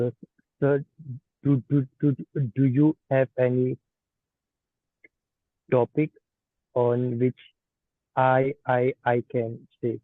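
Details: Stuttering (stammering) in a participant of an online stammering practice group who is practicing the cancellation and pull-out techniques; finding: stuttering.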